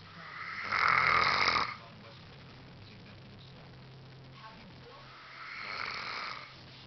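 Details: Male sleeper snoring: two harsh, rattling, gargle-like snores about five seconds apart, the first loud and the second softer, with quiet between breaths.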